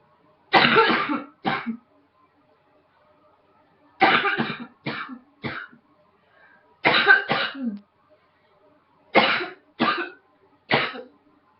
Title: Coughing # 5